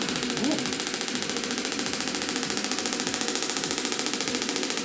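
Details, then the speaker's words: Radial shockwave therapy probe scanned over the shoulder of a chiropractor with wear and tear from years of lifting and bending over patients, sending acoustic waves into the muscle: steady rapid mechanical rattling pulses about 90 a minute under a loud buzz. "what I'm doing here is I'm scanning through the shoulder with this probe this is sending acoustic weights into the muscle"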